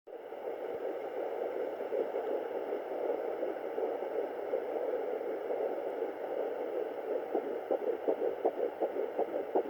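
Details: Fetal Doppler at 10 weeks 6 days of pregnancy: static gives way to a fast, regular galloping pulse near 160 beats a minute; early fetal heartbeat.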